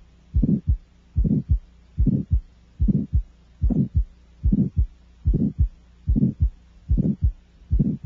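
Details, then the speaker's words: Child's heart, about 73 a minute, at the aortic area with the stethoscope diaphragm: a medium-pitched, harsh aortic stenosis murmur peaking in midsystole, introduced by an aortic ejection sound. "the murmur of aortic stenosis is medium pitched and harsh with a peak in mid syy the murmur is easiest to hear with the diaphragm of the stethoscope placed over the aortic area"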